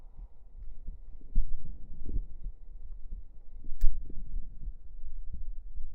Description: This video will be mainly close up and relaxing hearbeat sounds.